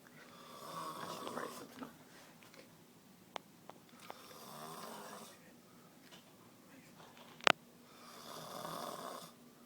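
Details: Person snoring during sleep, recorded by friends; soft, rough snores repeating every few seconds, with small clicks and a sharp knock in the room.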